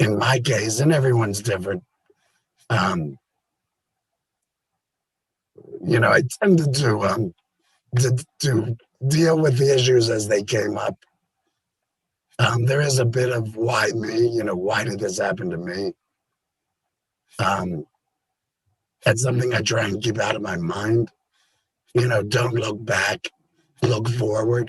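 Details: Adult man with total laryngectomy in February 2019 for stage four squamous cell carcinoma; tracheoesophageal puncture with voice prosthesis about seven months later; words comfortable after about 30 days, speech came together over about three months; tracheoesophageal speech.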